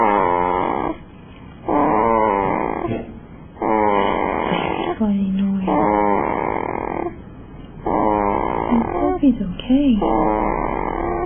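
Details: Freddie sleeping and snoring, loud, buzzy, vibrating noises in irregular bursts with short quiet gaps and a few squeaky sounds; noisy snoring.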